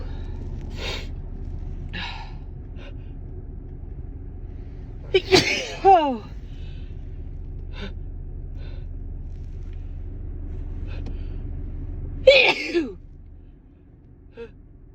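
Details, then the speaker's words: Female with dust allergy, sneezing in her car: two loud sneezes, each after a sharp gasping intake of breath, with sniffs between and steady background rumble; allergic sneezing with gasping inhalation. "I think I have to sneeze again. It tickles."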